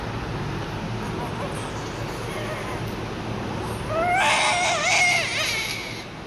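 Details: Steady room noise, then a loud, high-pitched wailing newborn cry; a strong cry like this signals an active, vigorous baby.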